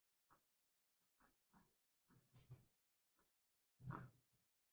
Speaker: There's a snoring baby on my lap, so that's what that sound is.